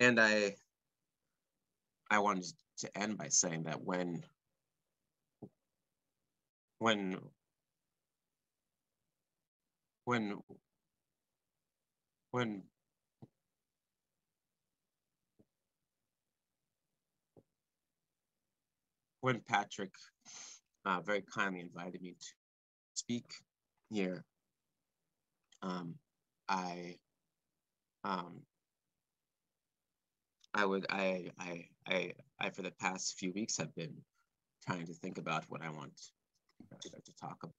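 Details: Male composer who has stuttered since about age four or five, speaking live, with repeated words and phrases; stuttering.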